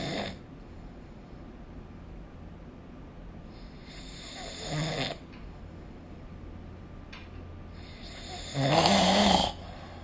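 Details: Sleep snoring recorded with the SnoreLab smartphone app: breathy, rattling snores about every four seconds, the last one louder and rougher.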